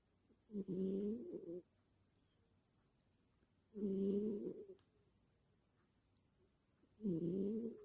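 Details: Snoring like a person while asleep: three slow, rumbling snores at about 19 per minute, each a rough tonal breath lasting about a second, with quiet pauses between.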